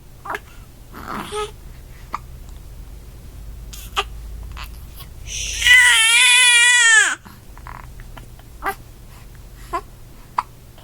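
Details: Infant crying: a single sustained wail lasting about a second and a half, set among quiet babbling and small sharp sounds; an ordinary baby cry.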